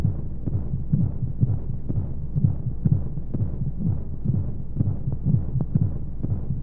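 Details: Baby sleep-aid womb sound with white noise: muffled, whooshing low heartbeat thumps at roughly 120 a minute over steady rushing noise, as heard from inside the womb.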